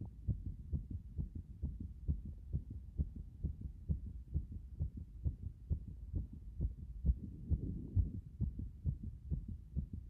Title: 風呂上がりの激しい拍動